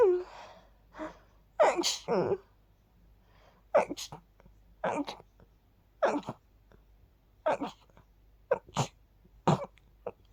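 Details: Run of about nine sharp sneezes in close succession, some with breathy lead-in, while sleepy after sleeping with the window open, attributed to pollen; repeated sneezing.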